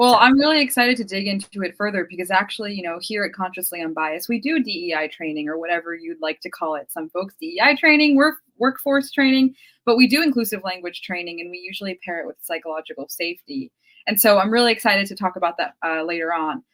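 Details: Adult woman speaking; normal speech.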